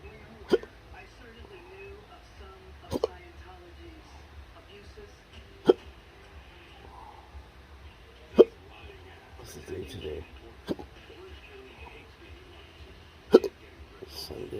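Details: Adult in a cancer study with intractable hiccups and choking spasms: sharp, brief hiccups recur every two to three seconds, about 12 a minute, in a quiet room.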